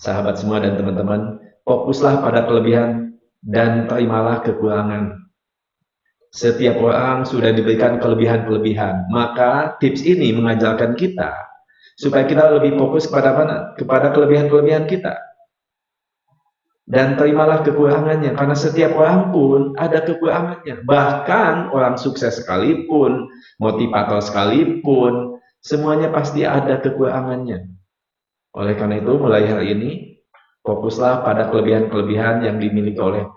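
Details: Adult man, a hypnotherapist and lecturer, unable to pronounce R clearly (cadel) since childhood; rhotacism.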